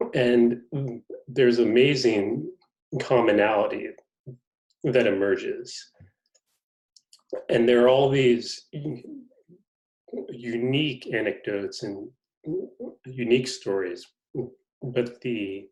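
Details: Adult male reporter who is a person who stutters; stuttering.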